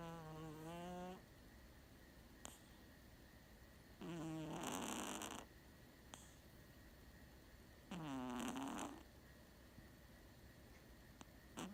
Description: Snorting kittens are the best. This kitten snores like a champ.